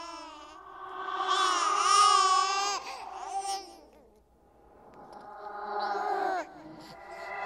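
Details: Simulated "ghost baby" horror sound effect: two long, steady-pitched, wailing infant-like cries separated by a quiet breath; infant cry.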